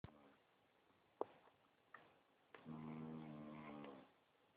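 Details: Snoring: soft clicks, then a low droning buzz on one breath in a quiet room.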